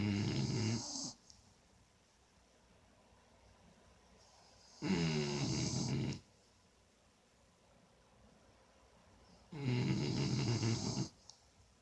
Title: Rio & Kashi snoring 💘